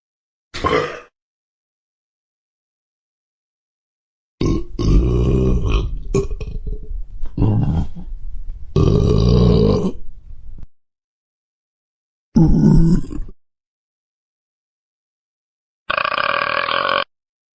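Series of loud, deep, drawn-out burps of varying length, separated by silence; belching from a sound-effect recording.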